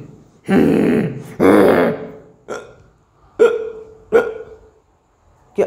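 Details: Two long, belch-like voiced sounds, then several short, abrupt voiced catches, imitated as a demonstration of body sounds, not real; hiccups.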